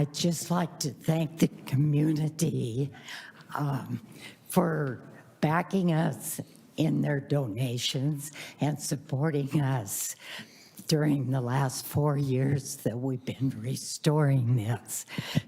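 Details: Adult woman who states she has spasmodic dysphonia, explaining her voice; spasmodic dysphonia.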